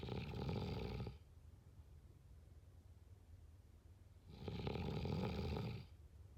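Two deep, rumbling snores on the in-breath, separated by a quiet pause of about three seconds.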